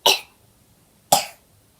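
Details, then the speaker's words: Young boy kept home with a cough: two short, sharp coughs about a second apart in a quiet room. "Вы как думаете, почему я дома? Я кашляю"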